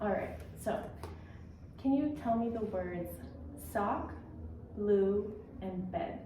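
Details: Adult female speaker (clinician); typical speech.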